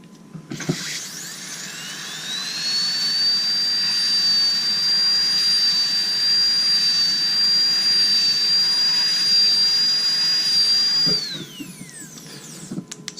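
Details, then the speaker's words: A high-speed dental handpiece spins up to a steady piercing whine with water spray hiss for about ten seconds, then winds down: interproximal reduction on a stone model, brushing from the papilla to open a contact. "I usually recommend starting from the papilla here on the model and actually just going with brushing motions like such until you actually open up the contact and I'll show you what that looks like right now"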